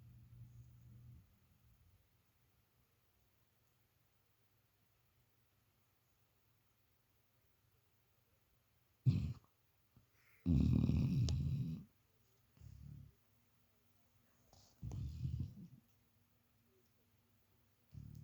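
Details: Male dog sleeping on his pillow, snoring loudly: rough, low-pitched snorts at irregular intervals with quiet gaps between them.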